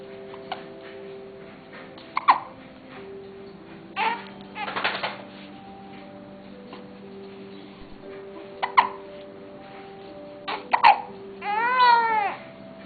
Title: hiccups